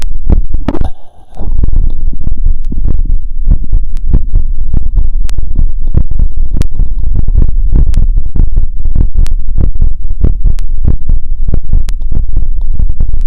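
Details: Heart auscultated with a wired stethoscope (cardio phonendoscope) over the pulmonic, aortic, Erb's, tricuspid and mitral points after a 2 km run: fast regular heartbeat about 150 bpm; normal heart sounds with exercise tachycardia.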